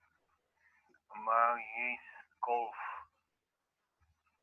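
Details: Apraxia of speech, worst on multisyllabic words with consonant clusters, in a patient with a post-mortem diagnosis of corticobasal degeneration.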